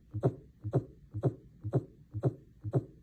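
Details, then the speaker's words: Tachycardia example, heart rate over 100 beats per minute: fast, regular lub-dub heart sounds at about 120 beats per minute. "Tacoc cardia is a heart rate over 100 beats per minute. Sometimes it can be reactions to outside influences like caffeine or being scared, but other times we may have some sort of electrical wiring issue causing the heart to speed up."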